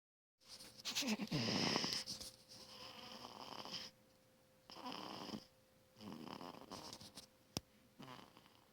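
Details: A sleeping cat makes repeated raspy, fluttering snores with its breaths over a faint steady background hum: snoring.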